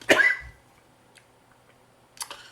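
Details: A speaker who says they recently had an asthma attack coughs: one sharp cough, then a quieter cough or throat clear about two seconds later.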